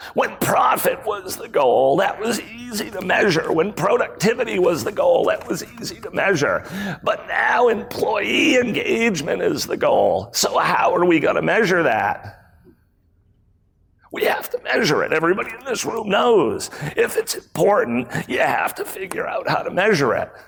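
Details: Adult man with spasmodic dysphonia, a rare voice disorder acquired in 2010, in which his throat muscles spasm and contract when he talks; spasmodic dysphonia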